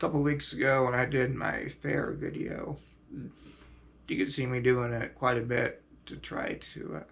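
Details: Adult male quadriplegic with high-level spinal cord injury, using a ventilator and diaphragm pacemaker via tracheostomy button, which irritate his throat; uses neck muscles for extra air to speak louder; finding: ventilator-dependent speech with tracheostomy.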